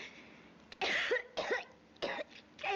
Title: coughing actresses 30